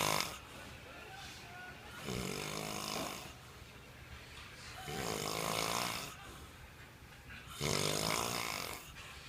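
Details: Old man, the recorder's dad, sleeping: loud, rough snores roughly every 2.5 seconds, about 24 a minute, with quieter breathing between them. Snoring.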